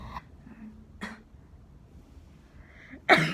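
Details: Student with sore throat, runny nose, headache, stomachache, nosebleed, fever 38.6°C, at the school nurse's office; a few short dry coughs and throat-clearing, ending in one louder harsh cough.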